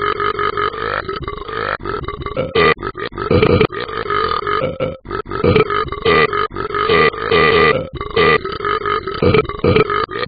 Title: Talking Ben has a burping problem